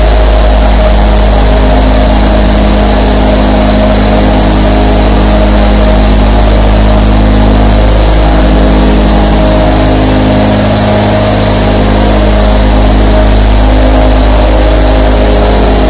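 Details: Steady low mechanical hum with faint rapid pulsing from 24 nebulizers running together, recorded as sleep sound; nebulizer running.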